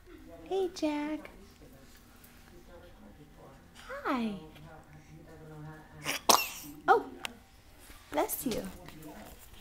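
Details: Child in a doorway jumper for the first time gives a big sneeze: voiced sounds and a rising breath build into a sharp explosive burst, followed by further brief bursts.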